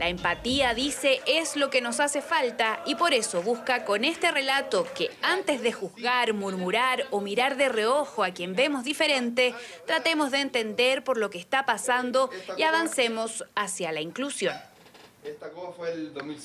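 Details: Adult female narrator; normal fluent speech.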